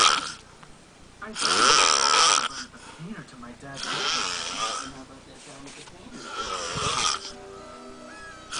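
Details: Big adult man asleep on a couch snoring very loudly: about three long, harsh, rattling snores, faint music in background.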